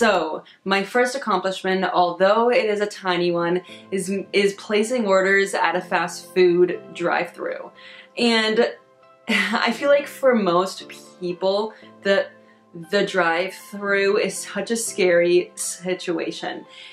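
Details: Adult woman with a stutter, closely related to social anxiety; stuttering.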